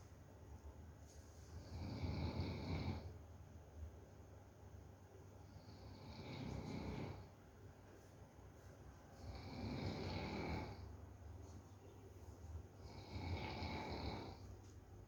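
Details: Dog (Macky) snoring while asleep: four slow, rumbling snores, each over a second long, about four seconds apart, roughly 16 breaths a minute.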